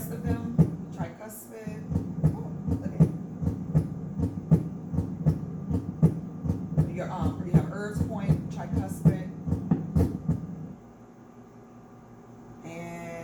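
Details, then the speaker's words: Simulator torso auscultated at the aortic area, second intercostal space: steady, regular heartbeats at about 80 a minute over a low hum, normal heart sounds. "okay so that's your aortic at the second intercostal space"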